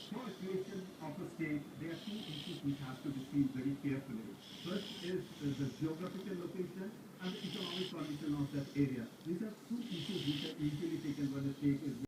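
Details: Rhythmic snoring from a sleeping Rottweiler, a breath roughly every two to three seconds, partly masked by a television news broadcast.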